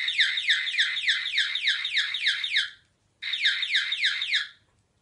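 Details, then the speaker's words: Malem M03 single-tone body-worn bedwetting (enuresis) alarm set off by a wet finger on the sensor: loud, rapidly repeating high warbling tone in two bursts. "there's a sensor plug it into the bottom of the alarm and test it with a wet finger on the sensor to sound"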